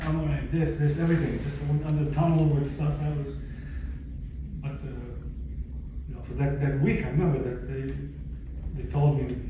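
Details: Adult stroke survivor with aphasia about 11 years after the stroke; aphasia.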